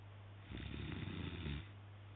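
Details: A person snoring very loudly while asleep: a single loud, rough, low snore on one breath, with the rattle of soft tissue vibrating in the airway; snoring.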